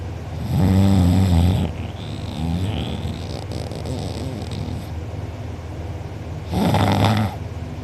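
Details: A person recorded asleep with mouth open and drooling, who later had a sore uvula and soft palate: two loud, rattling snores with a quieter, noisy breath between them. Heavy snoring.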